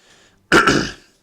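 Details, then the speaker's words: A single harsh throat clear from an adult man with a slightly hoarse voice in the morning, a brief burst of rough, noisy sound. "Excusez-moi. J'ai la voix un petit peu enrouée ce matin."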